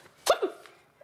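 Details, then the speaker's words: Boy with Tourette syndrome: a single abrupt short vocal noise in a quiet room, like a hiccup or grunt. He describes his complex tic as grimacing, breathing in and making this noise, worse when anxious. "Friends, family, the tics I have is a complex tic here, where I grimace and breathe in and make this noise."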